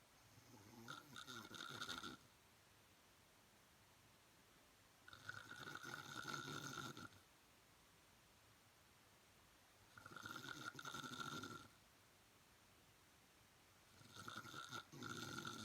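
Loud rasping snores with quiet pauses between them, about four breaths in 15 seconds, roughly 15 a minute.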